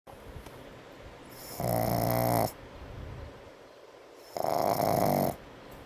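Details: A brindle Pug snoring during an afternoon nap: two loud, buzzing snores a few seconds apart with softer snuffling breaths between them.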